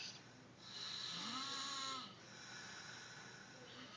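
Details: Two people snoring: a drawn-out, rasping, voiced breath lasting over a second over low room noise, consistent with snoring.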